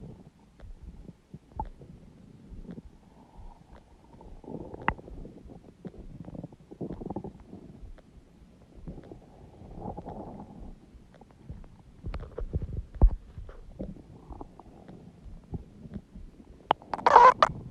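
Long irregular gurgling and rumbling with scattered pops and squeaks; loud stomach growling, normal bowel sounds.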